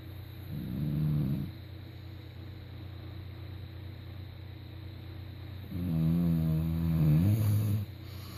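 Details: Dog snoring: deep, droning snores on the in-breath, two long cycles about five seconds apart, over steady background hum.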